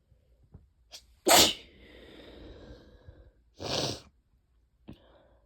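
Two forceful, wet sneezes with quick inhalations between, from allergy sneezing.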